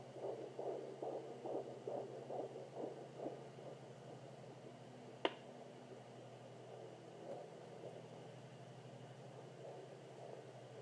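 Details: Fetal heartbeat of a girl at 27 weeks 3 days on a Sonoline B home fetal Doppler: rapid, regular whooshing at about 140 a minute, then steady static after a click; the baby was moving a lot and kicks near the end.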